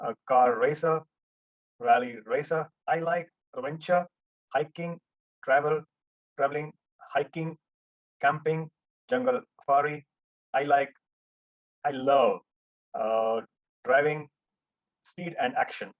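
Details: Adult male stroke survivor who was almost mute for about 1.5 years after the stroke and had daily speech practice with his daughter and a therapist; speech is still a setback for him. Finding: post-stroke aphasia.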